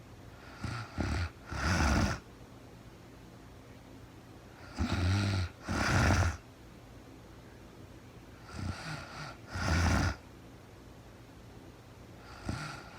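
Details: Real-time recording of a woman sleeping, very tired, no talking: rough, rattling snores in regular breathing cycles, about 18 a minute, with quiet pauses between; ordinary snoring.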